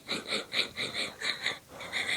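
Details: Rapid, raspy, wheezy, sputtering pulses of laughter from a sister sick with bronchitis, her throat and lungs clogged with phlegm; wheezy laugh with chest congestion.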